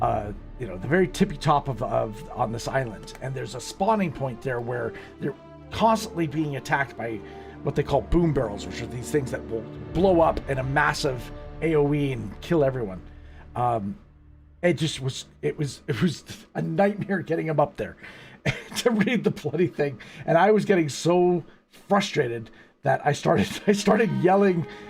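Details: Self-reported stuttering in a male speaker, which he says worsens when he is frustrated or angry.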